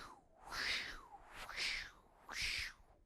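Three breathy whooshing swells about a second apart, rising and falling without full silence between: a vocal imitation of the continuous pulsating murmur of patent ductus arteriosus.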